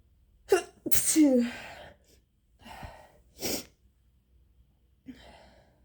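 A sharp intake of breath followed by a forceful sneeze, then a few softer sniffs and breaths: an ordinary sneeze.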